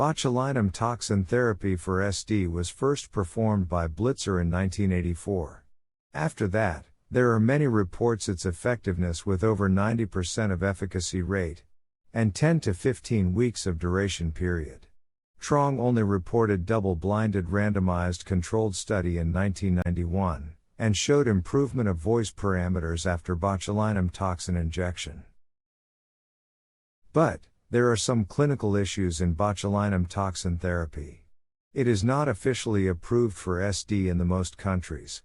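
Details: Adult male narrator, possibly synthesized voice; normal speech.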